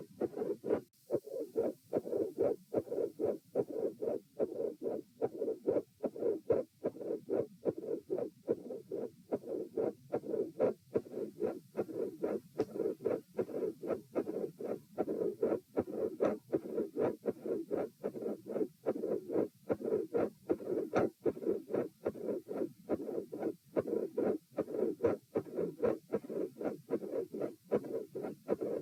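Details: Regular heartbeat about 74 a minute with a soft rushing mid-systolic murmur, recorded at position E, from a patent foramen ovale or atrial septal defect.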